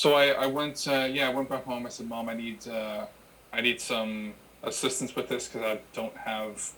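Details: Adult who has stuttered since childhood and had childhood speech therapy; repetitions are audible; stuttering.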